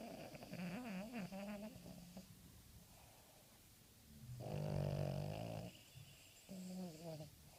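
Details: Terrier asleep and tired the day after Christmas: a loud, rough, rumbling snore in the middle, with wavering, whistly nasal sounds on the breaths around it. Ordinary dog snoring.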